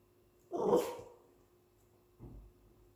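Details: Dog sneezing after a yawn, then asking for a treat: a single short sneeze followed by a quieter snort or breath.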